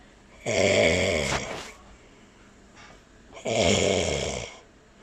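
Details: Man (daddy) snoring while a cockatiel listens: two loud, buzzing, rattly inspiratory snores about three seconds apart, soft breath out between; ordinary loud snoring.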